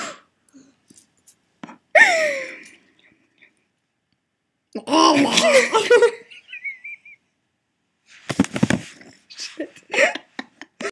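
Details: Hard laughter broken by squeaky, whistling gasps from a person who wheezes when laughing really hard; wheezing with laughter.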